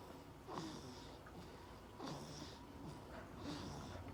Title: Snoring baby